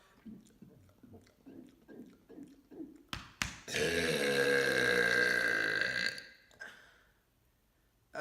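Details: Deliberate "mega burp" from a series of 15: short, rapid gulps of swallowed air, then one long, loud, sustained belch lasting about two and a half seconds; burping.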